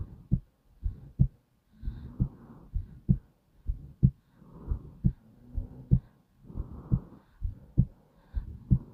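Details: Steady, soft lub-dub of a slow, calm heartbeat at an unhurried pace of roughly 60 to 65 beats a minute.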